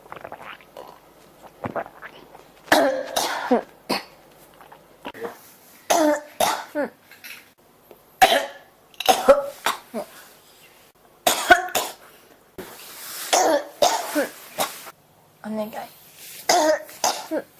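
Repeated bouts of harsh coughing with throat clearing, about nineteen a minute and irregular, continuing throughout; a cough that won't stop.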